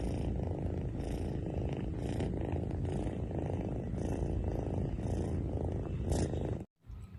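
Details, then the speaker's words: Congested noisy breathing in a kitten sitting at rest: a steady low rattling, rumbling sound from the nostrils like a small machine running, also heard during sleep, attributed to a cold with cough (congestion) in the kitten. "दोस्तों जब video आपने देखी होगी तो आपने ध्यान से अगर सुना होगा तो जब कैट बैठी है या फिर रेस्ट मोड पर है तो भी उसमें घर घर की साउंड आ रही है बैठी है तो ऐसा लग रहा है कि कोई मशीन जो है वो चल रही है"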